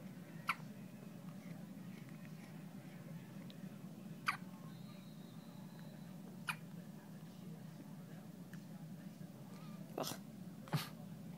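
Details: Newborn girl a couple of days old: five soft, sharp hiccup clicks at irregular intervals over about eleven seconds, over a low steady room hum: newborn hiccups.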